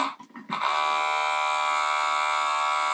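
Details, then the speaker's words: Commander USB rechargeable electric vacuum erection pump, tested against a hand: a click, then a steady high electric motor whine as the pump builds pressure; described as not too loud. "interesting i've never felt something like this before it's not too loud which is nice"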